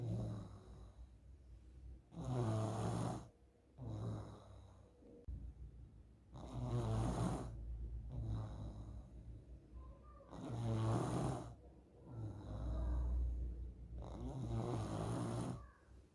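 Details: Child snoring loudly and roughly on each in-breath during sleep, about 15 breaths a minute, a sign of partly blocked upper airways; snoring is described as one possible symptom of nasal polyps in children.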